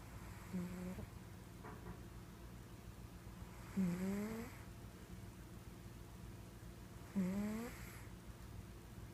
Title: Snoring cat